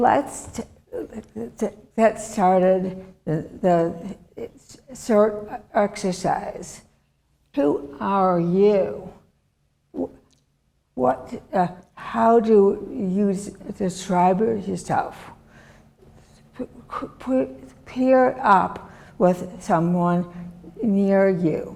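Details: Woman, former professor, with chronic aphasia since a severe stroke in 2010 that disabled her right side and took her speech; she relearned making sounds and saying her name and still cannot speak as before; non-fluent aphasia.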